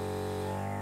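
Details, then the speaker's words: Battery-operated portable ambulance suction unit switched on and run, pressure gauge adjustable to alter suction: steady low motor drone with constant hum, unit running normally. "turning it on by pushing the on/off button and the unit will then start to run and suck by turning the pressure gauge we can actually alter the amount of suction and"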